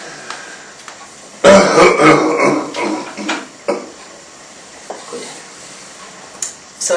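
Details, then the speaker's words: Assisted cough in a man with C4 quadriplegia and left hemidiaphragm paralysis, recovering from pneumonia, lying supine in bed; forearms over abdomen and chest give a firm compression, not always a forceful thrust, as he coughs after a big breath in. "it's important when coughing to just remember that you don't need a forceful thrust all the time sometimes just a firm compression can be very effective"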